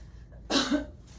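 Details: A single short voluntary cough from an adult female patient, a brief burst with two pulses in a quiet room, given on request during a head-to-toe physical assessment while her abdomen is palpated.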